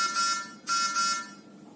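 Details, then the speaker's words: Two short harsh buzzes from an overhead infant radiant warmer: its temperature alarm sounding because the temperature went too high. "और जैसा की हमने देखा है की टेंपरेचर ज्यादा हुआ था इसलिए अलार्म कौन सा बजा है टेंपरेचर वाला ठीक है"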